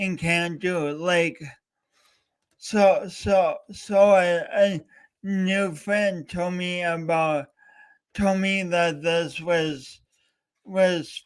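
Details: Real speech impediment with stuttering-like disfluency in a male speaker coached for years, heard during a three-hour live talk-a-thon he set as a challenge for his own voice.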